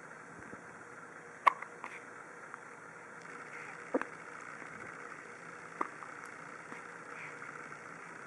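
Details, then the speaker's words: Ordinary infant hiccups in a baby: three sharp, faint hiccup clicks a few seconds apart in a quiet room with a low background hum. "We got some little hiccups here from a bright-eyed beauty."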